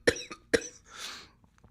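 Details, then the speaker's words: An adult man who is ill and coughing non-stop, so hard he thinks he will vomit: two sharp, dry cough bursts in quick succession, then a breathy exhalation; a dry coughing fit. "um and I'm just coughing non-stop so hard I think I'm going to puke"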